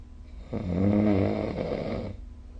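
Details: Snoring during sleep recorded with the SnoreLab app: a single loud, rumbling, vibrating snore on an indrawn breath, lasting about a second and a half.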